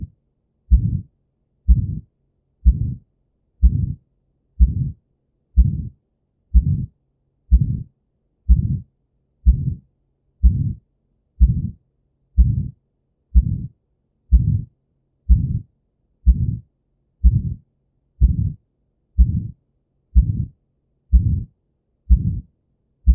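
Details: Aortic stenosis: regular heartbeat near 62 a minute with a harsh systolic ejection murmur after the first heart sound.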